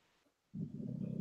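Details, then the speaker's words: Dog snoring in the background of a chat recording, loud enough to be likened to a bear. "gosh hearing my dog snore yeah swear it sounds like a bear behind you"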